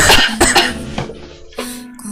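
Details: Korean girl giving several short, forceful coughs over background music.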